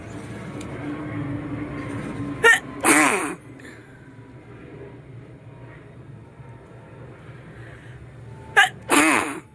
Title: Nose sneezing//video